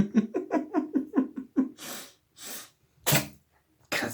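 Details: Cat playing and licking water drops in a bathtub, wet head and face, gives one huge, sharp, explosive sneeze after a couple of breathy intakes, with laughter around it.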